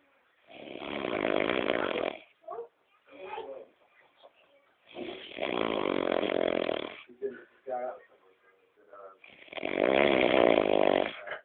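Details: Brother snoring loudly: three long, loud, rough snores on breathing in, with quieter breaths and small sounds between them.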